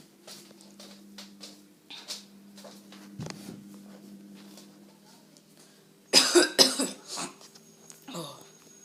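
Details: Quiet room hum, then one sudden harsh explosive burst and a short trailing sound, consistent with a cough, though the recording is labeled as a sneeze.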